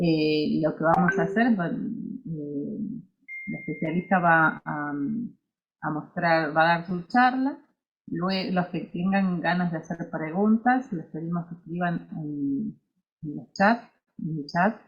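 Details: Adult woman speaking Spanish; Ordinary fluent speech.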